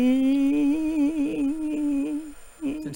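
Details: Limited pitch elevation in a female patient after likely unilateral superior laryngeal nerve injury, with only partial vocal cord lengthening.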